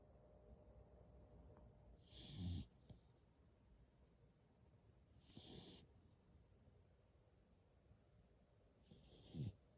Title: Leeloo snoozin, beagle snoring